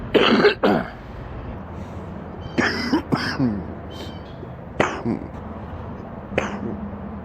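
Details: Adult man sick with an extremely stuffy nose gives deep, harsh, loose and rattling coughs, a horrible deep wet productive cough.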